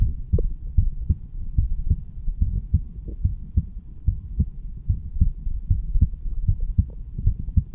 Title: HeartBeat Recording of 35 Year Old Male Standing. 😎👍